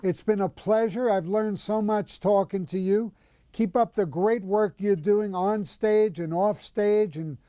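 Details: Adult speaker; normal fluent speech.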